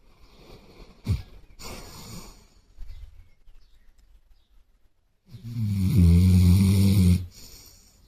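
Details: Basset hound asleep on a sofa with his head on a pillow: brief snorts, then one long, low, rattling snore on a breath; dog snoring.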